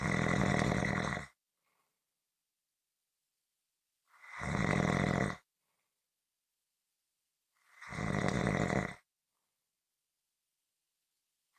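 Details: Loud, rough snores on each breath in, about 16 a minute, with silent pauses between them; ordinary snoring.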